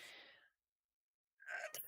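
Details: Adult sneeze, followed by nose-blowing and watery eyes: a breathy noise trails into silence, then a sharp in-breath builds to an abrupt, forceful burst of air.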